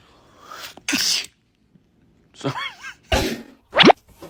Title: Sneeze that scares the cat.🤣😂#funny #catsruleeverythingaroundme #pets #cat #kitten #funnyvideo